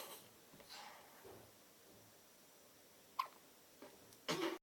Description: Baby with hiccups a day old